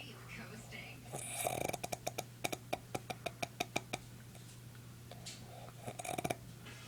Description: My dad fell asleep on the coach! He snores so loud!